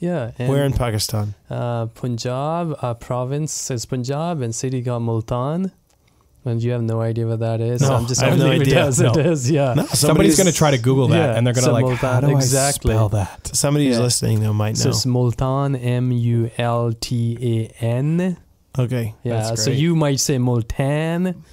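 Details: Adult male speaker; Normal voice.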